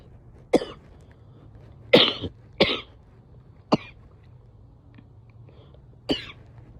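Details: Five separate loose, wet coughs from an adult woman, suggesting mucus in the airways: wet (productive) cough.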